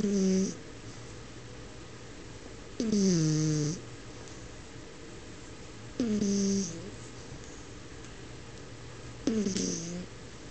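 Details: French Bulldog snoring: four rumbling, whining snores at regular intervals, about 20 a minute, with a low background hum.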